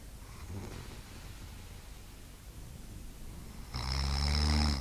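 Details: Man snoring while asleep: soft rumbling breathing, then one loud, harsh snore; snoring.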